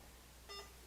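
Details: Single short electronic beep from a keypress on a veterinary IV infusion pump while setting drops per ml to 60 (micro/macro drip setup), over quiet room hum; an ordinary device tone.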